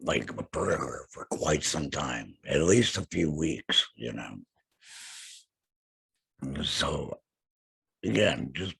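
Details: Tracheoesophageal speech with a voice prosthesis in an adult man after total laryngectomy for throat cancer, vocal cords removed.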